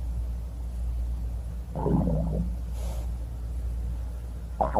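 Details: A steady low hum with one short, bubbly gurgling stomach growl and a brief second gurgle; normal stomach growling (borborygmi).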